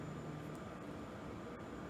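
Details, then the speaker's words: Low steady mechanical whir with faint hiss from a Hamilton MRI ventilator running its pre-op circuit tightness test on a new patient circuit, with the patient end occluded; normal noise. "gonna make a little bit of noise which is totally normal"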